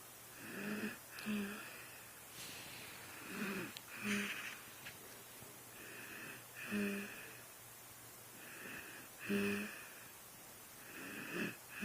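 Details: Snoring in a deeply sleeping adult woman: soft, regular snores, about five breaths in twelve seconds, with a faint whistling edge and steady room hum.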